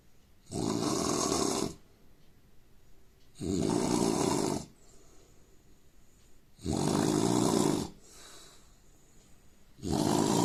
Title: Indian man snoring